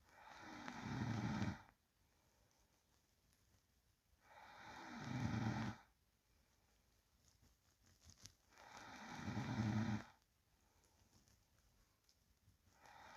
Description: Real sound of sleeping person breathing and low snoring.